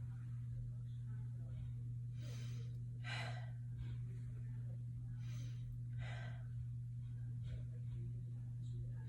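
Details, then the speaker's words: Nurse's assessment of an oriented female patient during deep breathing, stethoscope over the back: deep in-and-out breaths with a steady hum; breath sounds clear in all lobes, normal breath sounds. "okay one more and last one god everything seems sounds breath sounds are clear in all lobes"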